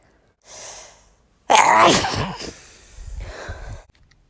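A sharp breath in, then a loud explosive voiced sneeze trailing into a breathy exhale; one ordinary sneeze.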